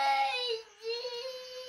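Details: Young child crying and throwing a tantrum demanding milk: sustained high-pitched wail with a brief dip before resuming.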